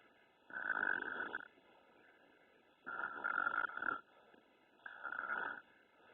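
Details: Baby boy snoring: three buzzing, rattling snores about two seconds apart, steady and even, with quiet between them.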